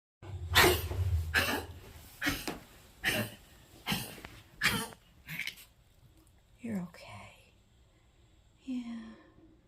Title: Dogtor Bones McCoy's cough